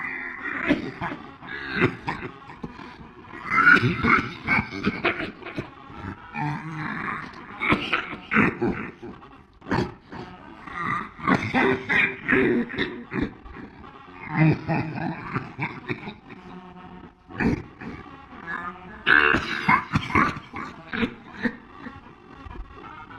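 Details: A male dog gives repeated harsh, grunting cough bursts in clusters, with short pauses between fits; cough.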